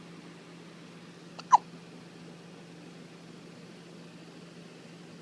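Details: Hiccups in a 1–2-week-old newborn: a single short, sharp hiccup with a faint lead-in sound just before it, in a quiet room.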